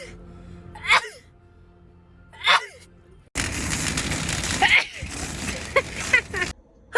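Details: Two sharp sneezes, then several more quick sneezes over background music, from a compilation of one person's rapid repeated sneezing.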